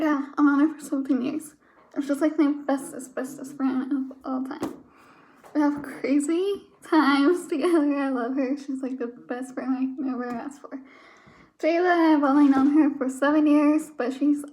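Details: Woman with DiGeorge syndrome (22q) who says the syndrome gives her a nasal, childlike voice, evident now; hypernasal speech.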